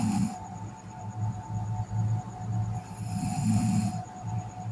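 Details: A sleeping girl snores with low rumbling snores on slow breaths, with a steady tone and faint music in the background.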